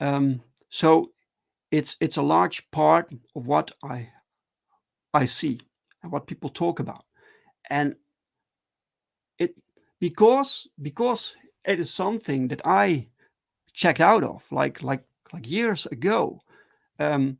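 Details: Adult who stutters, speaking live in a solo stream; stuttering.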